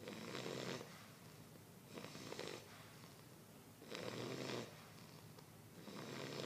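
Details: Snoring.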